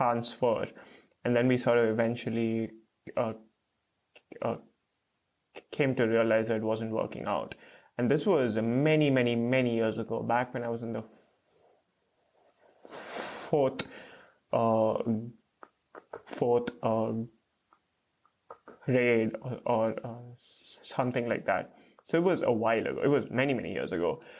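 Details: Stuttering with blocks and repeated fillers in an adult man, a PhD student in speech therapy, stuttering since age 3 to 3.5; his parents are unsure whether onset was linked to a childhood fright.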